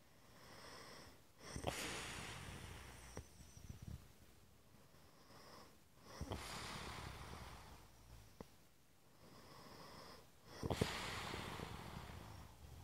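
Slow, snorting, rustling breaths about 13 a minute, with clicks and a rough low flutter on some breaths; snoring.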